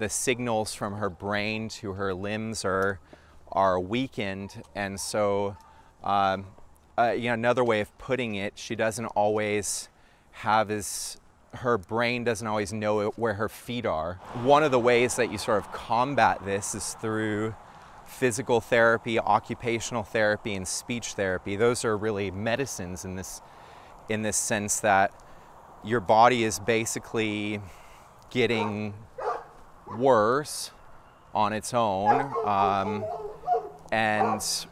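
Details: Adult man speaking; typical adult speech.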